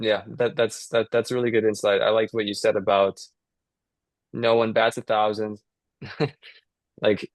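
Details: Young adult man; stuttering.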